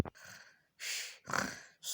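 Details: Parents snoring at home; the father is told to stop snoring. Two noisy breaths in sleep, the second with a rough, low fluttering rattle, typical snoring.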